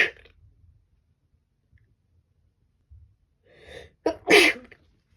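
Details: Woman sneezing during a cold last year: a brief sharp burst, then after a quiet pause a rising inhaled breath and a loud explosive sneeze.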